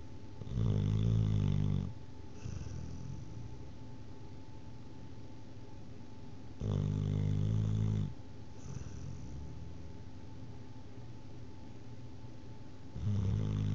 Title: Snoring Cooper